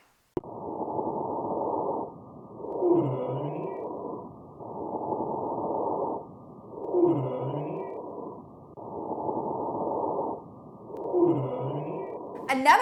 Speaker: it is a high pitch musical instrument sound with many different sounds to it that's why it's polyphonic and this is what a high-pitch polyphonic whe sounds